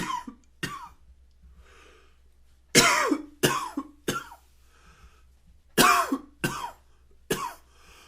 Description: Typical morning...coughing, sneezing, sniffling.